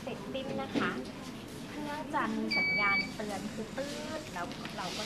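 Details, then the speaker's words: End-of-treatment alarm of the TENS (electrical stimulation) mode on a Sonopuls 591 combined ultrasound/TENS unit: a brief steady electronic tone of about half a second over voices and room noise, signalling treatment time is over. "คราวนี้หากการรักษาเสร็จสิ้นแล้วนะคะเครื่องจะดังและไฟฟ้าเนี่ยก็จะลดลงก็เป็นสูงสุดในแอมแปร์นะคะเครื่องจะมีเสียงสัญญาณเตือนว่าหมดเวลาแล้วนะคะ"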